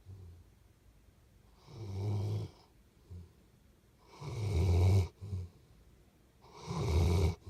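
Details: Deep, rattling snores with each breath, about three loud cycles with softer snorts between, in a quiet room; snoring.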